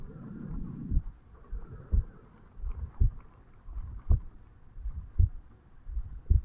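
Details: 35-year-old male, self-recorded at the bicuspid/mitral valve area on waking in the morning: regular muffled low thumps at about 56 beats a minute, faint rustling; heart sounds.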